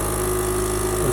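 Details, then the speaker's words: Portable suction machine running, being set up for paediatric use (about 80–120 negative pressure for a baby): loud, steady motor hum and drone; noisy but suctions well. "These machines are very noisy, but they suction pretty well."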